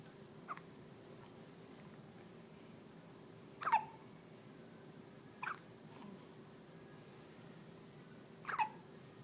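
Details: Four short, sharp squeaky hiccups in about nine seconds over quiet room hum, from someone described as having a rubber toy in their little tummy; hiccups.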